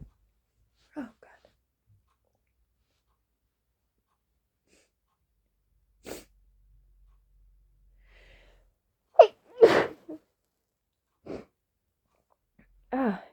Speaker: Excuse me. I don't know why those are so powerful. [snorts] I usually don't have issues. Usually my sneezes are not powerful. Those are for some reason.